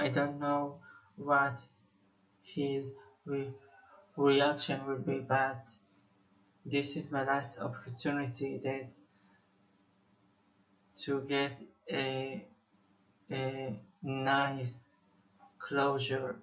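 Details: Male Israeli musician who says he has stuttered for almost 21 years; stuttering.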